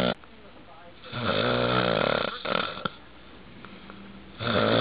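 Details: Loud, rough, rattling snore lasting over a second, then a quieter pause and another snore starting; typical sleep snoring.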